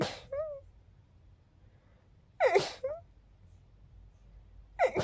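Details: Three sharp, explosive sneezes in quiet, each followed by a short high-pitched squeak, a repeated sneezing fit; sneezes described as girlier than expected.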